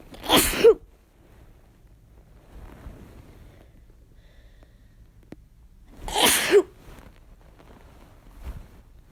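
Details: Two strong, sharp sneezes about six seconds apart in a quiet room, induced with a chhinkni (sneeze-inducing agent); forceful sneezing.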